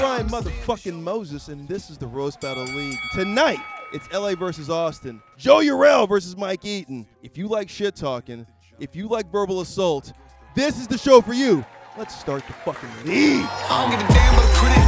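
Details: Adult male announcer; Normal speech.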